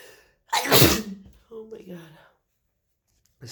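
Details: Person who woke up clogged with a horrible cold: one loud, explosive sneeze, then a short groaning voiced sound in a quiet room.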